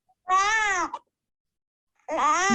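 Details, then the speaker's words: Infant hunger cry per Dunstan Baby Language, marked by a nasal 'neh' sound at onset: two brief, high, nasal-sounding infant cries, each under a second. "you can definitely hear that n yeah yeah I can you can definitely hear that yeah and in that last one the baby's reaching that crying sound where they're saying I'm really hungry"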